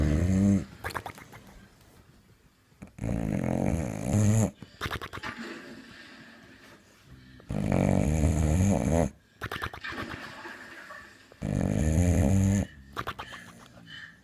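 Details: Sleeping Boxer dog: loud, deep, rumbling snores with each breath, about four in fourteen seconds, with softer snuffling between; heavy snoring.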